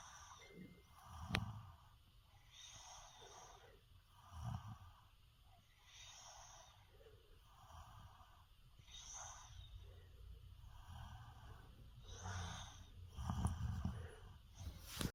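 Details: Loud, rough snores with each in-breath, roughly 16 a minute, with occasional snorting bursts. Snoring.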